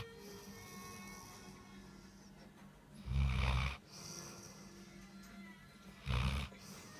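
Two loud, low rumbling snores a few seconds apart over soft background music; snoring during sleep.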